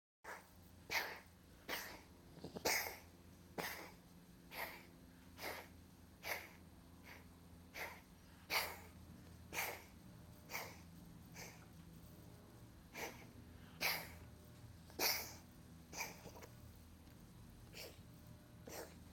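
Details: Dog with a coughing fit brought on by brushing its throat: a long run of sharp, dry, honking coughs, about twenty bursts in twenty seconds.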